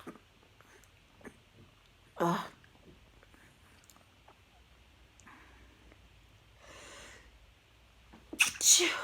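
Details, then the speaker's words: Tipsy adult eating pizza, angry and swearing, gives two sharp explosive sneezes with a softer breathy burst between them over quiet room noise; sneezing. "Oh, here we go. Here another fucking sneeze"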